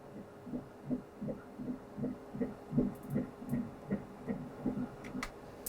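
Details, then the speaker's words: Fetal heartbeat at 14 weeks on pulsed Doppler with the cursor at the centre of the heart during ultrasound scanning: fast, regular whooshing pulses measured at 171 beats per minute, a good fast heartbeat while the fetus moves. "There's your heartbeat. Boom, boom, boom."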